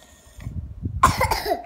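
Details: Child coughing: a single short, harsh cough burst after low rustling and background noise.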